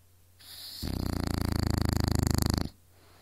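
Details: A single loud, rapidly fluttering, rattling inhaled snore lasting about two seconds from a woman unaware she snored; snoring.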